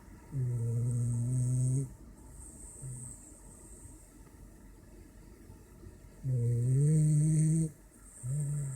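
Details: French bulldog snoring in sleep after eating and a shower: loud, long, rumbling snores with a nasal, whistling edge, two full breaths apart; typical flat-faced dog noisy breathing.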